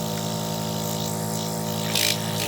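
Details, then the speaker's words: Nebulizer compressor (180 Hz spec) running after repair and reassembly, final power-on test; steady loud motor hum and buzz without interruption; working nebulizer compressor. "Tapos ito pinaka-compressor para makapag-produce ng hangin."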